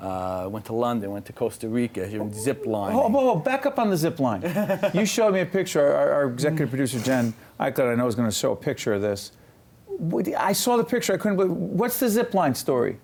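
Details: Adult speakers in conversation; Normal conversational speech.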